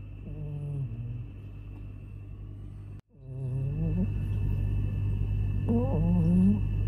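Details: Sleeping cat, a father cat tired out from play, gives three loud, squeaky, whistling snores over a steady low background hum.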